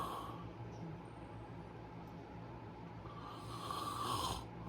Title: Snoring beauty